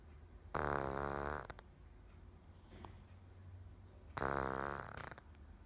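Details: Sleeping cat gives two loud, buzzing, vibrating snores about three and a half seconds apart, each followed by a soft breath out, over a low background hum; snoring.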